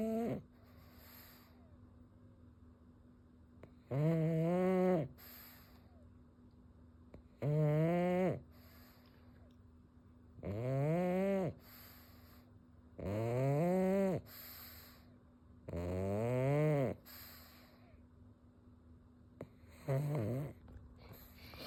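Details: Pug dog snoring loudly and regularly, chainsaw-like harsh buzzing breaths rising in pitch like a small engine: snoring.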